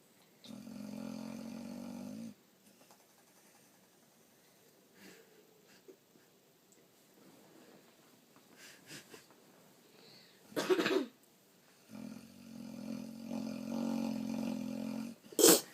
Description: Boxer snores like human